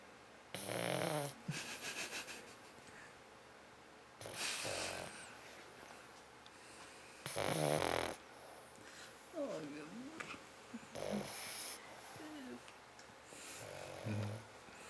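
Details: Loud rattling snore bursts from a pug, a small flat-faced dog, with quieter snuffling between; owner wonders whether it snores while awake or half asleep; faint room noise.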